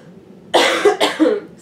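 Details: Two harsh, slightly wet coughs in quick succession from an adult with a cold, in a quiet room; cough.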